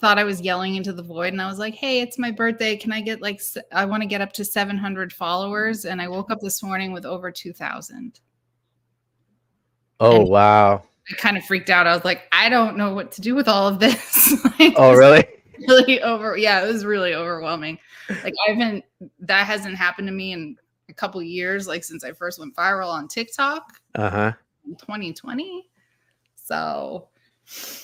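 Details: Adult speaker in casual conversation; normal speech.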